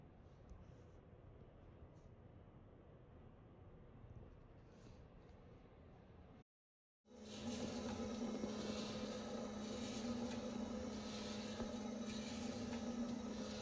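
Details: Steady motor drone with a rattle and fast regular mechanical pulsing: a proof-of-concept DIY automatic machine squeezing a bag valve mask (Ambu bag) in place of manual ventilation, built in minutes for the Covid-19 crisis.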